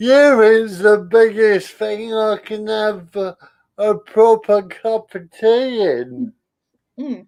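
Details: Adult male comedian with spastic cerebral palsy, attributed to lack of oxygen at birth, affecting limb control and speech; dysarthria (spastic cerebral palsy).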